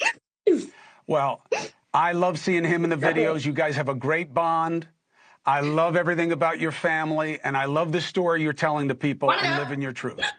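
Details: Adult male speaker; Ordinary speech.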